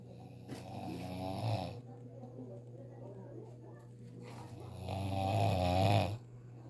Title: How To Do A Relaxing Snore Without Opening Your Mouth